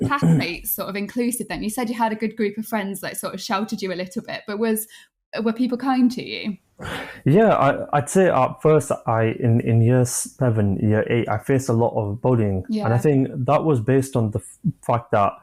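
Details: Adult man, 25, with a stammer since early childhood (after an asthma attack), who manages blocks with breathing techniques and pausing; stammering.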